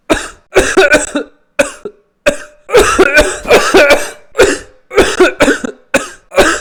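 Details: Adult performing repeated forceful coughs in quick clusters, deliberately acted rather than from illness, about 100 coughs.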